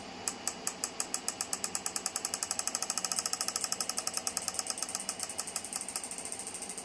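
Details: Physiwave MT685 dual-handle 6T magnetic physiotherapy device for pain relief, operating after frequency, intensity, time and treatment area are set; rapid even sharp clicks speeding to about eight per second; magnetic stimulation device pulsing.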